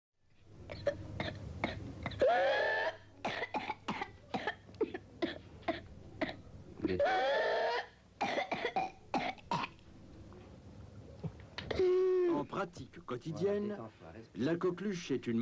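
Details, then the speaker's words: Pertussis in an adolescent or adult, shown in a CDC training clip: runs of rapid, repeated coughs with barely a pause, broken by long, high, strained indrawn breaths; paroxysmal cough with inspiratory whoop. "now in case you still think pertussis and adolescents and adults is just a nuisance have a look at this short video"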